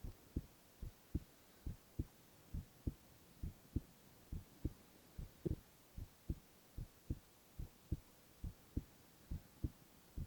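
Regular lub-dub heartbeats at about 72 a minute over faint steady hiss, without extra sounds.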